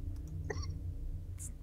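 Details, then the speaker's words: A single short, sharp hiccup from an adult who says they keep getting hiccups, over a steady low background hum. "Oh, I'm so sorry. I keep these fucking hiccups."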